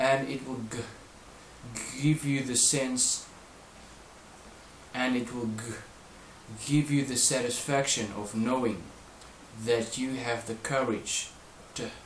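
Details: Adult male who stutters reading aloud during fluency practice, using slow speech with few words per breath, voluntary stuttering and a chest belt as a breathing reminder; restarts and phrase repetition; stuttering.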